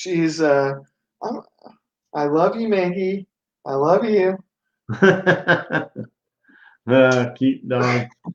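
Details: Residual aphasia in a 42-year-old man. At 17 he had a stroke from an artery rupture during benign brain tumor surgery, then an induced coma, leaving right-sided paralysis and global aphasia. He later relearned to speak.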